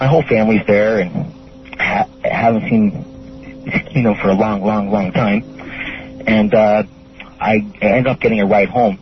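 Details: Stuttering in an adult male caller who refers to his own stutter.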